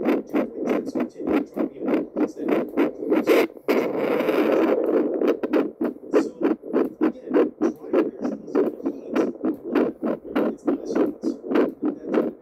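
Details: Heartbeat picked up by Doppler at multiple probe points: rapid, regular whooshing pulses at about 100 per minute, with a scraping burst as the probe moves.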